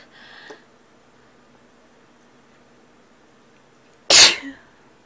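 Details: A quiet intake followed by a single sharp, loud sneeze burst, then silence.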